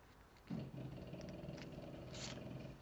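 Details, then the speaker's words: Dog snoring: loud, low rumbling snore droning steadily, with faint paper rustling in the background. "Bon, vous entendez Toto qui ronfle. Je fais de l'ASMR, je vous ai dit. C'est des vidéos ASMR maintenant que je fais avec Monsieur Toto. C'est un truc de malade comment il ronfle."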